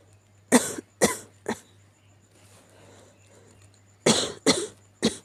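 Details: A sick cat gives two bursts of harsh, moist hacking coughs, three coughs in each, separated by a pause: cough.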